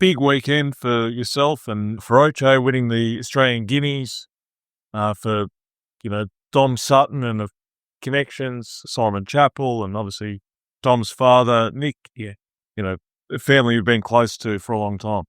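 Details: Adult male speaker; normal voice.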